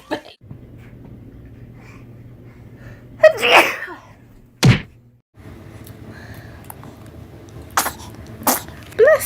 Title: TRY NOT TO LAUGH #931 BABIES SNEEZING FUNNY VIDEO COMPILATION